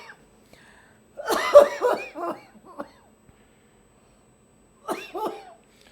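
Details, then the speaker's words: Harsh voiced gagging coughs in a run, then a shorter second bout, from a strong laryngeal reflex during nasal endoscopy via the left nostril without throat anaesthesia or drying agent. "and usually this patient will be having a lot of laring feral reflex and it will be very"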